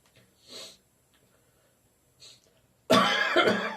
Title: Slightly Phlegmy Morning Cough